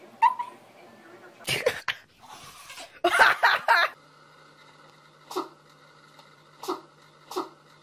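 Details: Cat or dog from a pet sneezing compilation: a few short explosive bursts from a small animal, then several softer brief snorts; sneezing.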